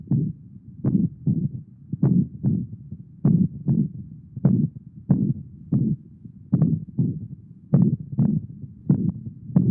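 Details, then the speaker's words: Veterinary example of heartbeats with a whooshing regurgitant systolic murmur filling the beat, from a patient with atrioventricular valve insufficiency; the same disease can produce murmurs that sound different. "vemos que estos dos eran socios históricos regurgita activos en pacientes que tenían insuficiencias de válvulas patri ventriculares y a pesar de que tenían la misma patología el soplo no se escucha igual"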